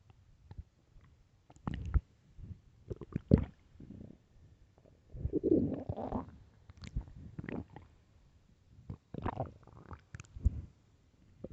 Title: LOUD starving stomach growls! (headphones)